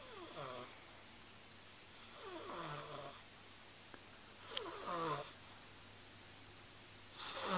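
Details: Snoring recorded with a Flip Video camcorder: rhythmic rattling snores with each breath, about one every two to three seconds, over quiet room noise; ordinary snoring.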